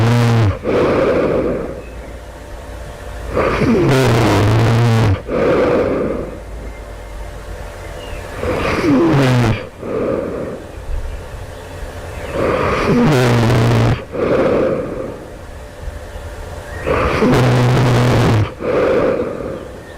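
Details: Loud, harsh, rattling snores with snorting breaths, about 14 breaths a minute, heard during sleep just before awakening; the person wonders whether they are developing sleep apnea.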